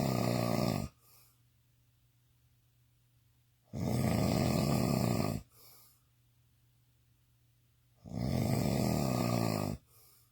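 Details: Adult, described as drunk, snoring intensely: loud, rattling inhaled snores about four seconds apart with quiet gaps, roughly fourteen breaths a minute; snoring.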